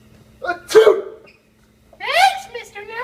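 A voiced, acted sneeze burst followed by a drawn-out exclamation; staged sneeze in a comedy sketch.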